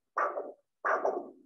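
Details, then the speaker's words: Rhythmic whooshing bursts with each heartbeat from a Doppler probe over the arm during cuff blood pressure measurement: pulsatile brachial arterial flow. "so now the pressure in the cuff has exceeded my blood pressure so blood cannot flow in the arm she's now going to slowly release the pressure from the cuff"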